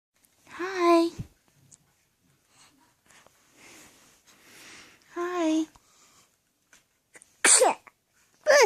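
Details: Two high, voiced sneeze bursts a few seconds apart from a young child, with soft adult voices between: ordinary sneezing.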